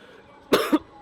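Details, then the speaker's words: Single harsh two-part cough in a quiet room right after an intense CrossFit workout of 30-lb wall balls and bar muscle-ups, a so-called "Fran cough"; post-exertional cough. "Fran cough. Super awesome. Well, no, not super awesome. Pretty freaking terrible."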